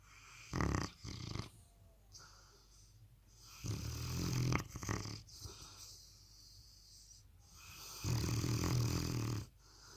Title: presa canario puppy snoring so loud it's insane !